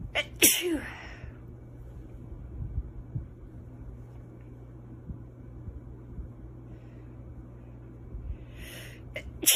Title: Beautiful girl stifles sneezes